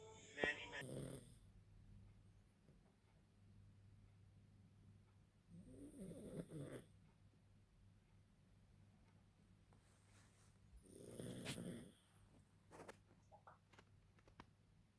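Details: A sleeping pug, a small flat-faced dog: quiet, rattling snores about every five seconds, roughly 12 a minute, over low room hum; snoring.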